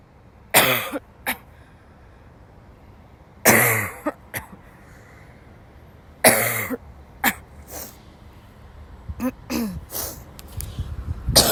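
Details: A sick young woman who woke up ill has a violent dry coughing fit in class: repeated harsh, dry coughs in clusters, about a dozen bursts, with throat clearing between.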